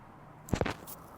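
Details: Adult woman, a dental hygienist, with left jaw popping, tenderness and leftward jaw deviation despite a night guard: brief dull pop with short follow-on sound during chiropractic manual TMJ adjustment; temporomandibular joint cavitation.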